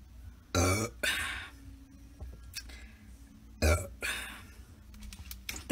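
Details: Two loud, rough, low-pitched belches with quieter room noise and faint talk between them; burping.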